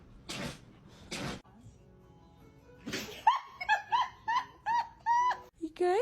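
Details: Dogs sneezing, compilation clip: two short, sharp sneeze bursts, followed by music and playful sound effects.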